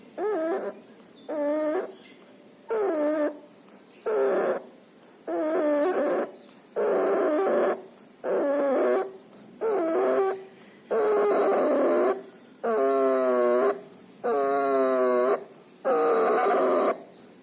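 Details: Puppy with pneumonia and distemper, with nasal discharge: loud, whining, tonal noise on each breath at about 40 breaths a minute; noisy, laboured breathing.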